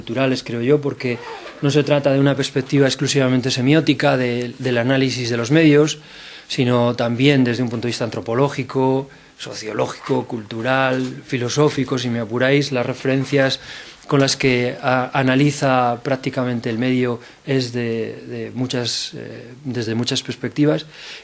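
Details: Adult man speaking Spanish; normal speech.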